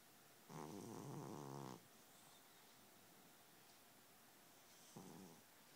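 Two rough, rattling snores separated by a few seconds of quiet breathing: ordinary snoring during sleep.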